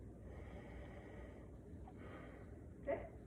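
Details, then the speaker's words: Health assessment: stethoscope auscultation of a male patient's back during deep breaths; soft airy rushes of two slow deep breaths ending louder, no wheeze or crackle, symmetric breathing: normal breath sounds. "another one okay seems to have normal breath sounds and normal symmetry when he's breathing um don't feel any abnormalities in his back"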